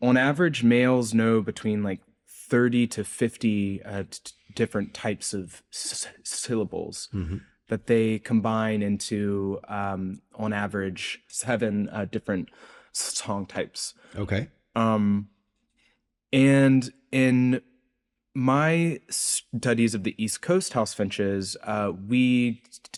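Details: Adult researcher who reports a speech impediment audible throughout the interview; speech impediment.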